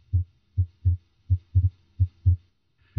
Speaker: now we normally x2 usually diminishes in intensity while s 1 becomes lover as you proceed down through the third interspace and into the tricuspid area